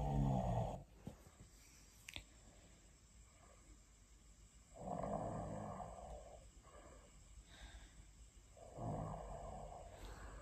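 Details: Woman recorded snoring while asleep.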